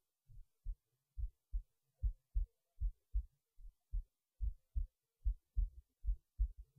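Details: Heartbeat recorded while resting in bed late at night before sleep: steady low thumps at about 74 beats a minute in near silence, a normal resting heartbeat.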